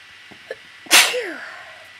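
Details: A person with slight summer allergies: a brief catching inhalation, then one sharp, explosive sneeze with a fading voiced tail; a wet allergy sneeze.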